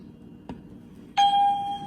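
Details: A soft click, then a single sustained electronic tone: the start beep of a talking fully automatic upper-arm blood pressure monitor, first-time live demonstration by an adult man, cuff on his arm.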